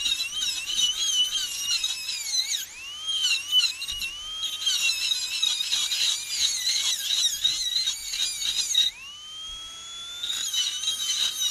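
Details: NSK Pana Max-style high-speed air-turbine dental handpiece with a carbide bur drilling in a home workshop under very light pressure. A high-pitched whine that dips and slows when pressed, then spins freely.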